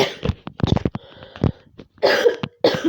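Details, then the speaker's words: Adult on COVID-19 isolation day 6, still testing faintly positive, with a tickly sore throat, coughing so much they bought cough syrup; repeated short, dry, hacking coughs in a quiet small room; dry cough. "i went to the pharmacy because my throat as you can hear i'm coughing so much so i got some of this"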